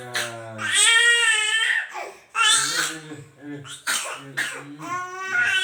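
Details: Infant crying in repeated wailing bursts with brief catches, crying hard enough to cause coughing, which the uploader says is normal and not worrying.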